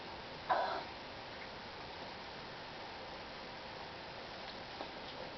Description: I has them again!! Lolll. I was all busy busy cleaning my room and all of a sudden....BAM. They came again.